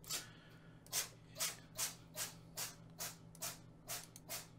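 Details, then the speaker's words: Pet sneezing repeatedly: about nine short, hissy bursts in quick succession over a steady low room hum. "Garibaldi. I don't know if you guys can hear that or not. Sneezing his little head off."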